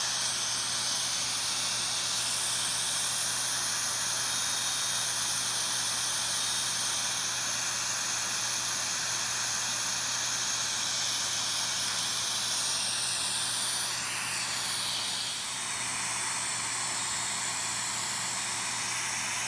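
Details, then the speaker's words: Continuous loud hiss with steady high tones from a CO2 laser with smoke evacuator during removal of xanthelasma (yellowish cholesterol-deposit plaques) on the eyelid. "so we use a co2 laser to remove this"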